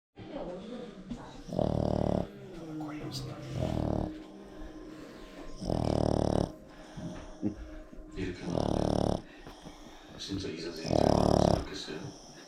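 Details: Sleeping Boston Terrier puppy (female), asleep after over an hour of fetch: rhythmic rumbling snores at about 25 breaths a minute, with soft voices and room noise between; snoring.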